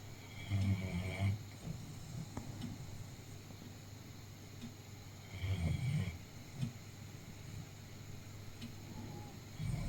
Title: dog snores! You lucky fella!